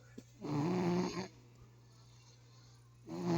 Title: snoring July 17th 2023